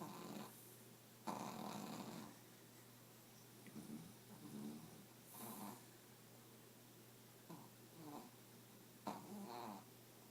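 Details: Adult man (a father) snoring: irregular rough snores and snorts, some short and some longer, over a faint steady hum; snoring.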